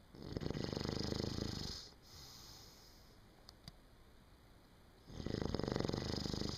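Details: A person snoring in sleep: two loud, rattling snores on breathing in, separated by a quiet breath out.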